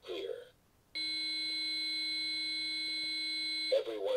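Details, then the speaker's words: Simulated infant AED use by a single healthcare rescuer in PALS training, pads on the center of the chest and back: shock advised, a steady high charging tone of about three seconds with prompts to stand clear and push the shock button. "Charging. Everyone stand clear. Everyone stand clear. Push the shock button."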